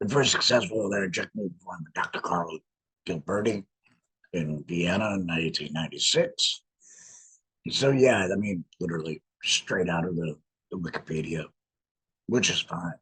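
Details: Man with a laryngectomy who speaks with a voice prosthesis in a tracheoesophageal puncture, sending trapped air up through the prosthesis to vibrate muscle; tracheoesophageal speech after laryngectomy.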